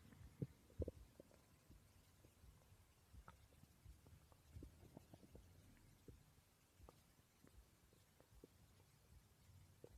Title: My stomach growling while I slept, 600 subscriber special ❤️